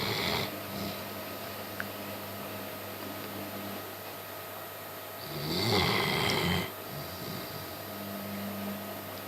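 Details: German shepherd sleeping in a strange position in the living room, snoring: soft, low rumbling breaths with one louder rasping snore in the middle over steady room hum.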